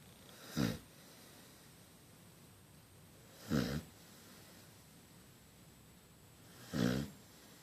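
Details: Dog wearing a cone and head bandage, asleep and snoring: three soft, rumbling snores about three seconds apart, roughly 18 a minute, over quiet room noise.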